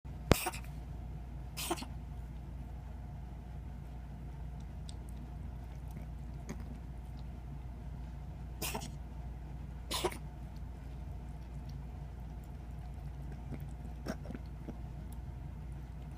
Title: My Kitten Coughing